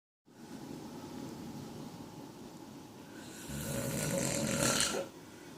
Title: Snoring Man